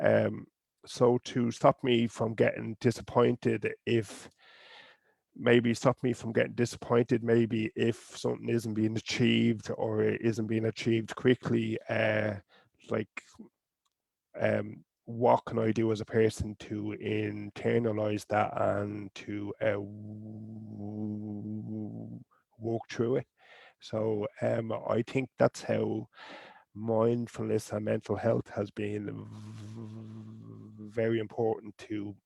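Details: Adult woman from Sweden who stutters; has learned speech techniques and accepts her stutter; stuttering.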